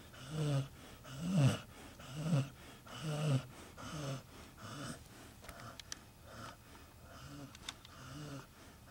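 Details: Pet dog named Red, asleep and snoring loudly: rhythmic, low, rattling snorts about once a second that grow softer toward the end.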